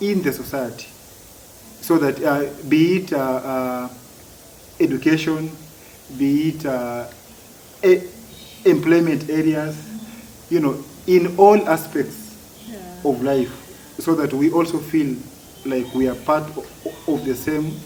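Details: Adult man who has stammered since childhood, for as long as he can remember; stuttering.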